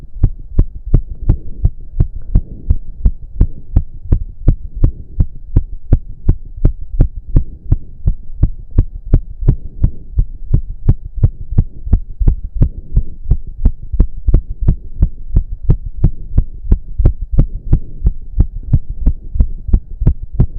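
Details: Male heartbeat during an intense cardio workout of about 15 minutes, with heavy breathing. Fast, forceful, regular thumping at about 170 beats a minute under a low hum; he reports close to 200 bpm. Exercise-induced sinus tachycardia.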